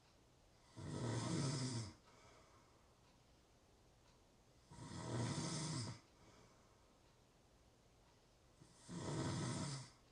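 Loud rattling snores on each breath in, about 15 breaths a minute, with quiet breathing out between; steady snoring.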